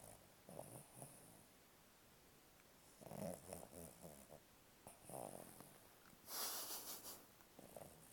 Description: My dog laying in bed with me in a deep sleep snoring and twitching funny as